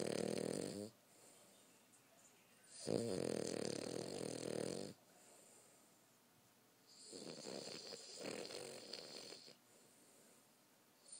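Two long, loud, rough breath sounds about 4 seconds apart, separated by quiet pauses: snoring during sleep.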